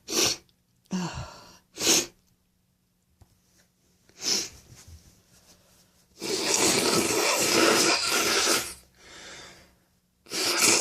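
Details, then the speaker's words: Adult with a runny nose at night sneezing repeatedly in quick succession, with a longer stretch of noisy nasal breathing between sneezes: a sneezing fit. "Oh, bless me. Oh, my nose is so runny tonight."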